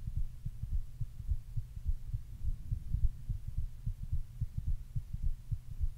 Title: Thumpy male heartbeat